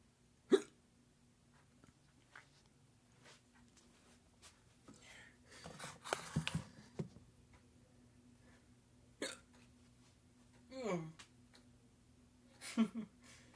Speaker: Oh, it's still going, man. Oh, God. Oh, God. I can't stop. I can't stop the hiccups, man.